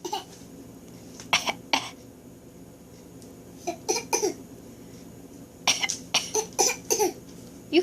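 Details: A young child, described as a big boy, fakes a cough: short, light, deliberate coughs in bursts, a pretend voluntary cough rather than illness.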